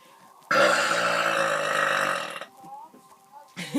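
One long, loud, rumbling belch lasting about two seconds, then quiet room sounds; a deliberate burp.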